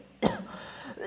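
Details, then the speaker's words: Imitated cough by an adult in a simulated doctor-patient role-play about a sore throat and runny nose: a single short, forceful cough with a throaty, rasping tail, made on purpose as a demonstration. "[咳嗽]。我们把这叫做咳嗽。咳嗽。"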